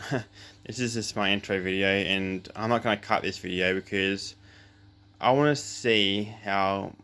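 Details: Adult male with cluttering since birth, plus a lisp; says he is speaking more controlled than usual here but still doubles words, runs words together, speaks too fast and uses fillers; cluttering.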